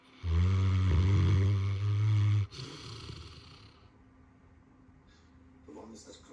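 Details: Saint Bernard dog: one very loud, deep, rattling snore followed by a quieter breath out; snoring.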